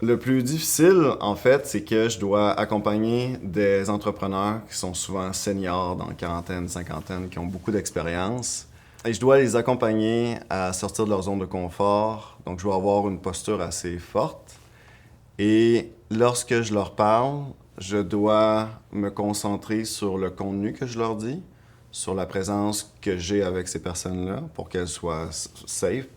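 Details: Adult woman, a marketing strategist, who stutters and reports blocks; stuttering.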